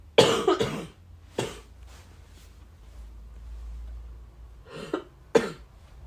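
Four separate coughs in short bursts, some with a double sound, with quiet room noise between them.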